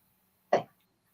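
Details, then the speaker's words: Adult with a cold, croaky and reporting an occasional hacking cough: a single short, fairly loud cough that fades quickly in a quiet room. "So anyway, I apologise in advance, because I've got a bit of a cold and this hacking cough creeps in occasionally."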